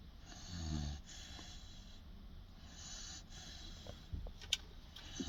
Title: Cage, 16 week old Boerboel snoring with eyes open?